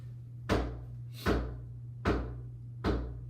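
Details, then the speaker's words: Korotkoff sounds heard through a stethoscope during slow cuff deflation in EMS vital-signs practice: four sharp, regular tapping sounds at about 76 a minute. The first sound marks systolic pressure and the point where the ticking stops marks diastolic. "is your start sound systolic number the done sound when there's no sound left there's no ticking it's done is your diastolic record that number"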